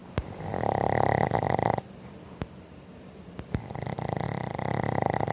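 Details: Sleeping Boston Terriers snoring loudly enough to drown out the TV: rattling snore in long noisy phases separated by quieter pauses, with a few sharp clicks; dog snoring.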